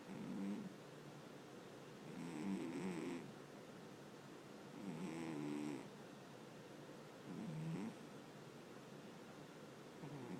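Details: Sleeping pet: soft rhythmic snoring, about 24 breaths a minute, in a quiet room. Snoring.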